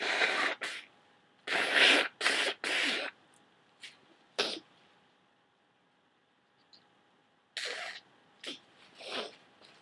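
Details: Run of loud, very wet sneezes followed by sniffing and a huge nose blow; sneezing fit from a persistent head cold.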